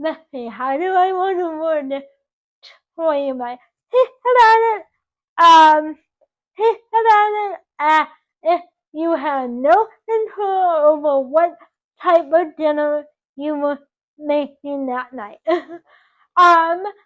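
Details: 24-year-old woman with cerebral palsy resulting from reduced oxygen to the brain during birth; doctors had told her parents she would never talk, and she now talks; dysarthria (cerebral palsy).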